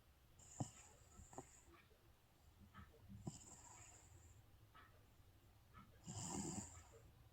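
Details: Sleeping cat snoring softly with breathy, whistling breaths about every three seconds; the owner says it sounds like their dad snoring.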